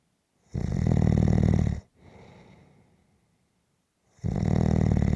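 Loud, rough, rattling snores on the in-breath, each over a second long, with quiet breathing between them; habitual snoring.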